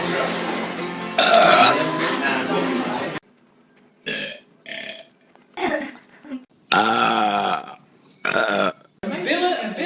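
Several loud, drawn-out burps separated by pauses, with music and talk in the background.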